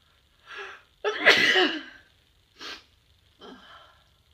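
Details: Cold sneezes: a soft breathy intake, then one forceful explosive sneeze, followed by two quieter breaths; a single sneeze.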